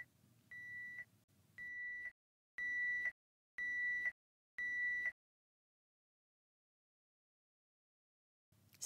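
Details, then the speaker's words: Five steady high-pitched beeps, about one per second, then silence. This is a peritoneal dialysis cycler's caution negative UF alarm, meaning fill volume was not drained from the peritoneal cavity. It is a manual restart alarm; press stop to mute it. "this is a manual restart alarm which means you must manually stop the alarm and correct the situation to resolve this alarm your patient should step one press stop to mute the alarm"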